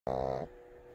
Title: Snoring pugs on my lap